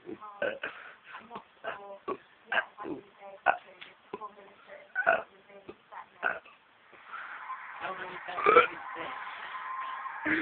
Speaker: Shall I do EastEnders tune in burps?